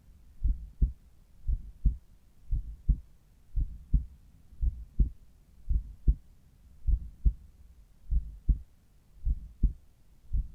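Steady, quiet lub-dub pairs at about 57 beats a minute, regular rhythm; normal heart sounds at the apex.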